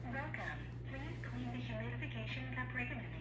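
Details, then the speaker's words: Pet oxygen concentrator (110 V unit, about 13 lb) just plugged in: recorded talking voice prompt at start-up over a steady low motor hum. "it talks to you how cool is that now you can turn the talking on and off"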